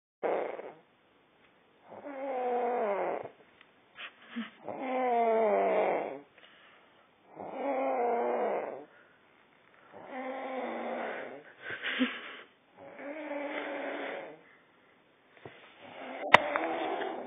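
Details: Woman snoring heavily: repeated loud, buzzing snores on every breath, about 22 a minute, with silent gaps between them.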